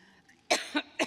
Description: starts to cough during her speech and gets a cough drop and drinks some water - May 26, 2017